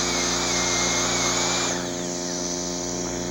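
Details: Stainless steel crown preparation on a five-year-old boy's carious mandibular primary molar, beveling occlusal buccal and lingual line angles: continuous high-pitched dental drill whine dropping slightly in pitch as it cuts tooth.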